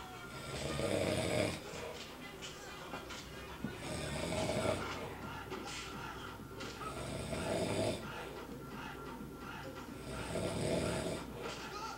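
Loud rasping snores at about 19 a minute with quieter breaths between, over faint background music.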